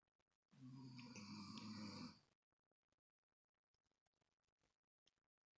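A single long, rough, droning breath sound lasting about two seconds, then quiet with faint clicks: a snore.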